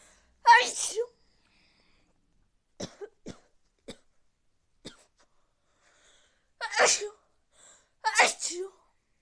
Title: Big sneezes cold part 2